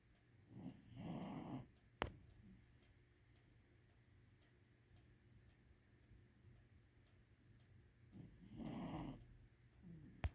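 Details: Snoring during sleep: two soft, rattly snoring breaths about seven seconds apart, with quiet pauses between; ordinary sleep snoring.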